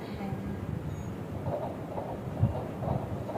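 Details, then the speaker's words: Fetal heartbeat on Doppler during an obstetric ultrasound, due date November 26, fetal weight 1631 g, mother with abdominal pain: rhythmic whooshing pulses at 132 a minute, normal, with the fetus in a straight position. "এটা হচ্ছে বাচ্চার heartbeat বাচ্চার heartbeat আসছে আপনার এই মুহূর্তে 132 তার মানে নরমাল আছে স্বাভাবিক আছে"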